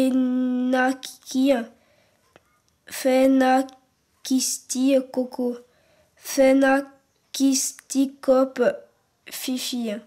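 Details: French-speaking child who stutters, real, filmed in a documentary; stuttering.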